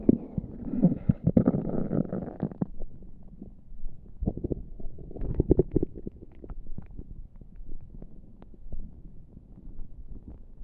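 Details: Low gurgling and bubbling stomach rumbles with irregular pops throughout, made without pressing on the tummy; ordinary active bowel sounds (borborygmi).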